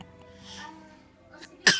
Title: DJ Sneeze